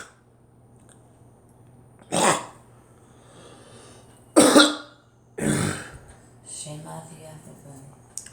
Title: Me coughing